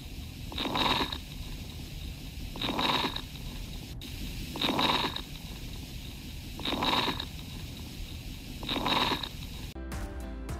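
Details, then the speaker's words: Coarse crackles: repeated noisy breaths with low, bubbling pops as air passes airways narrowed by fluid, mucus or pus, linked to inflammation or infection of small bronchi, bronchioles and alveoli. "the popping sounds produced are created when air is forced through the respiratory passages that are narrowed by fluid mucus or pus and are associated with inflammation or infection of the small bronchi bronchioles and alveoli listen to an example of coarse crackles"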